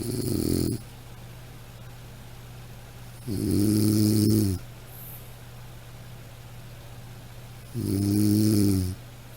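Slow, loud, buzzing snores, three in nine seconds (about 14 breaths a minute), with a steady hum behind. Ordinary snoring.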